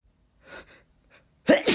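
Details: A male feeling slightly under the weather, with sneezes induced by chhinikkni: a soft, breathy intake, then a single loud, explosive sneeze.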